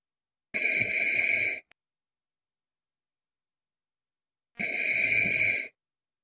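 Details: Two rasping, hissy snoring breaths about four seconds apart with quiet between, roughly 15 breaths a minute.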